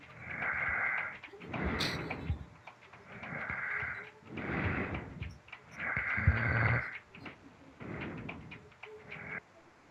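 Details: Snoring during sleep: rhythmic snuffling snores, about six over ten seconds, with a nasal whistle on each breath.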